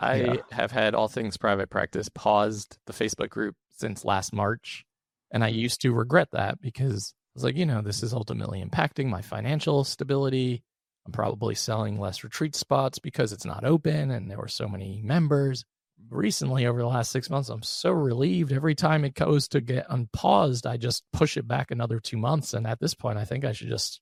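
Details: Adult male with one vocal fold paralysed by 2022 open throat surgery for a rare chronic recurring throat condition, after 2021 endoscopic surgery; voice improved after extensive speech therapy, tires daily; vocal fry from unilateral vocal fold paralysis.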